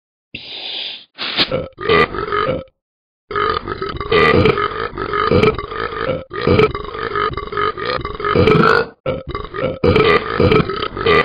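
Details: Simulated burp from the Talking Ben the Dog app for iPhone and iPad: a long, loud, rumbling burp running several seconds with brief breaks; extended burping.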